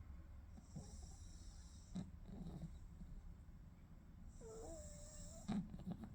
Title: My Baby Pug Falls Asleep So Peacefully And Then Starts SNORING ❤️🎀